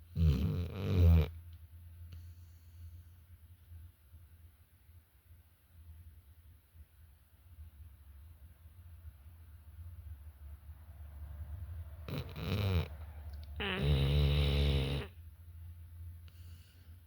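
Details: Loud, low, rumbling snores separated by long quiet stretches, irregular in timing; snoring.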